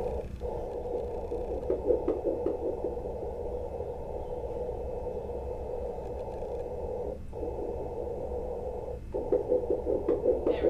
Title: Baby's heart beat